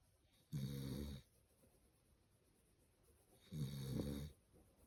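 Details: A sleeping dog snoring loudly, with two rattling snores about three seconds apart against quiet breathing.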